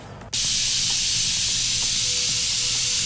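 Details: Self-cleaning dental mirror airflow: a click, then a steady high-pitched hiss of air that continues without a break, from the Yirro+ mirror's air stream keeping the surface clear.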